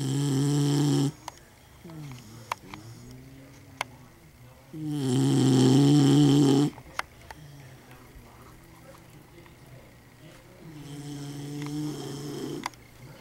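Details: Pet snoring in sleep; long, loud, buzzing snores on slow breaths with softer sounds between, in a small room.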